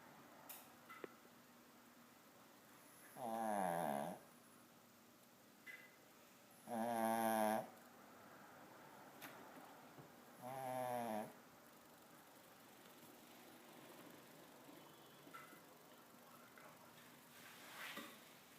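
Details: Dog snoring: three loud, rattling snores about four seconds apart in a quiet room, roughly 17 a minute.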